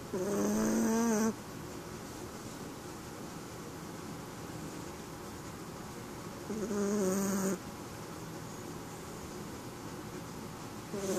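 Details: Sleeping Chihuahua dog in pyjamas: two loud, buzzing, rhythmic snores about six seconds apart over steady room noise; snoring.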